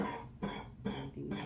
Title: Too much coughing